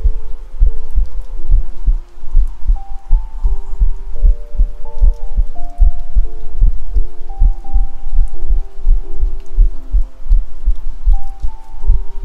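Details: Self-recorded heartbeat with 3Dio binaural microphone: steady low regular thumps about 90 a minute with soft music-like tones over it; normal heartbeat.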